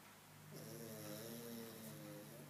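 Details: Kevin, a pug, snoring: one long, whining, tonal snore-like breath noise from a flat-faced dog.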